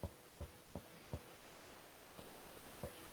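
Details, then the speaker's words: Six soft, low, hollow finger taps of indirect percussion over the upper front chest at the second intercostal space, near the angle of Louis, with faint room hum: resonant percussion note over normal lung, teaching demonstration. "escucha un poquito se escucha un poquito eso sería lo sonoro practiquen con ustedes mismos a la la zona de mejor acceso para ustedes esta es la sonoridad esa es un pulmón sonoro"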